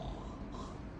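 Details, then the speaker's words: Young adult male who snores and has witnessed breathing pauses in sleep, after tonsillectomy and nasal surgery, not overweight, imitates snoring on request during flexible nasal endoscopy at the nasopharynx: a low, rough, continuous snorting rattle. "orlar gibi yap bakayım yap bir daha"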